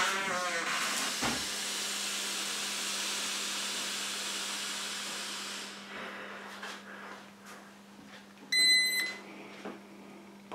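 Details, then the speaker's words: Breath ketone meter sampling: several seconds of steady blowing into the meter after its 20-second countdown, fading out, then a short double beep marking the end of the 10-second breath sample before the ketone level displays. "counts down from 20 down to zero then gives you the PLO indication at which time you should start blowing and you should continue to blow until you get that second double beep at the end of the 10 second sampling time"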